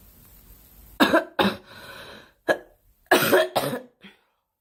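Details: Girl coughing during a live stream: several sharp, dry cough bursts in short clusters with a brief breath between them.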